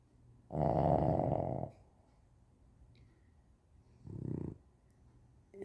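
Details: One long, loud, rattling snore followed by a shorter, softer one in a quiet room: a sleeping boxer dog snoring.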